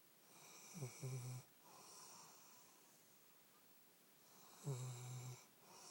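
Two soft, low snoring breaths in, each with a slight whistle, separated by quiet breathing out: snoring.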